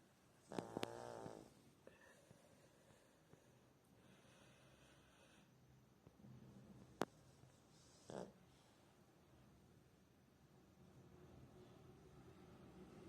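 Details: A person snoring loudly: one long rough snore near the start, a brief snort later, then quiet breathing in a still room; ordinary snoring.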